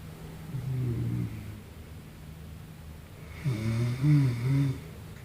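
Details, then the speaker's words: Two low, rumbling, fluttering snores on breathing in, with quiet room noise between them; heavy snoring from a sleeping man. "But you see, the difference in this fight is that he's always going to be the one that's knocked out."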